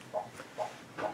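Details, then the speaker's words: Rhythmic whooshing Doppler pulses of a fetal heartbeat on a fetal monitor during a non-stress test, a normal rate in the 140s per minute. "can hear the heart rate this is the fetal heart rate that you're hearing and that corresponds to the numeric value here on the top of the screen"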